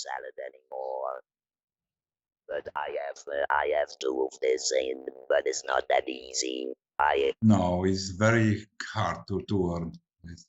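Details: Adult woman from the Netherlands who has had laryngectomy surgery, leaving her with no natural voice, now speaking with an Inspiration electrolarynx; electrolarynx speech after laryngectomy.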